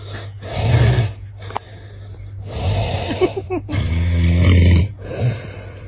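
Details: Snoring, possibly from a partner, tagged baby: loud, deep, rattling snores on each breath in, with quieter breaths out between them; heavy snoring.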